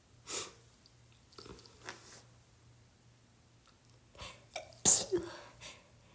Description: I thought I was getting over my cold but today I’ve been soooo sneezy 😭 I legitimately can’t go two minutes without sneezing.